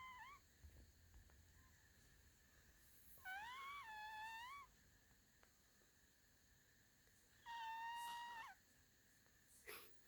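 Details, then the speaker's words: A sleeping cat snoring: two high, whistling nasal breaths about four seconds apart over quiet room noise. "Seamus, you're snoring. Hey. You're sleeping so well."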